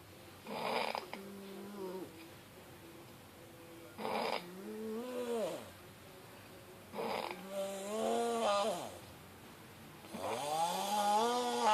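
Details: Man snoring: repeated voiced, groaning breath sounds with rising-falling tone, about four in twelve seconds, in a quiet room.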